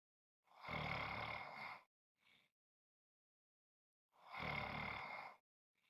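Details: Snoring: two loud, harsh, rattling snores with a faint snort between them, in a quiet room.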